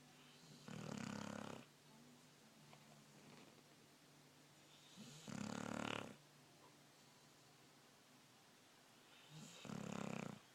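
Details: A 12-year-old Wheaten Terrier dog, sound asleep, snoring loudly: three loud, rattling snores about four to five seconds apart, with quiet breathing between them.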